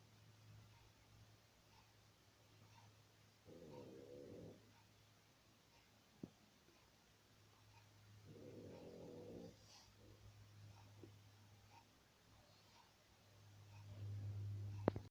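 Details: 8-month-old female English/Boston bulldog, a flat-faced breed, drawing harsh, rasping, gasping breaths every few seconds; laboured noisy breathing from brachycephalic airway obstruction that is sometimes worse and affects eating, drinking and overheating.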